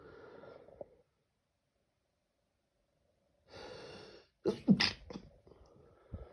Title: Late night sneezing